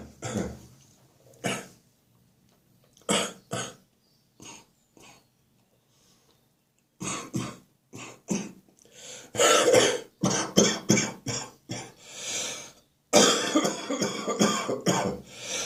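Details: Adult with a spring cold; the cough is now stuck in the chest, deep and wet. Repeated loose, rattling bursts: a wet productive chest cough.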